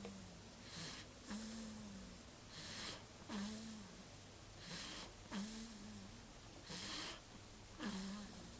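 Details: Snoring during sleep: slow, regular breathing with a soft, tonal snort on each breath, about 15 breaths a minute.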